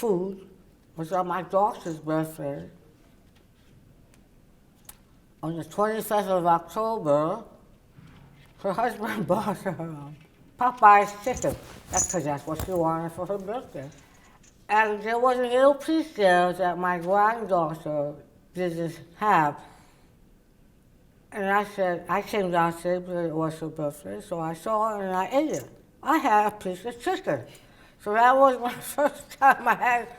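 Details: Adult woman, oral cavity cancer survivor treated with partial glossectomy and tongue reconstruction then radiation; her tongue cannot reach the roof of her mouth and she uses a palatal appliance; others struggle to understand her; articulation disorder after partial glossectomy.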